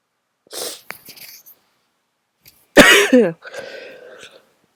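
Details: Two explosive sneezes, the second loud with a sharp voiced burst, followed by a long honking nose blow. Strong sneezing with nose blowing.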